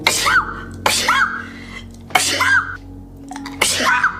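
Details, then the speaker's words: Girl sneezing in a bout of four sharp sneezes in quick succession, each preceded by a drawn-in breath. She says she's gonna sneeze and wonders if she is getting sick; tagged allergies and sinuses. "I'm gonna sneeze."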